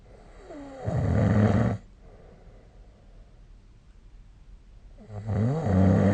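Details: Two loud rattling snores on inspiration with quiet expiration between, recorded during sleep with the SnoreLab snore-recording app.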